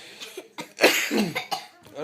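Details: Cough from a person; both people present have a cough.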